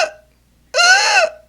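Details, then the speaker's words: Adult voice imitating inspiratory stridor of croup in babies: harsh, high-pitched crowing noise on breathing in, contrasted with expiratory wheezing of bronchiolitis and asthma. "that when the baby breathes in okay and bronchiolitis and asthma causes wheezing which is usually when the baby is exhaling"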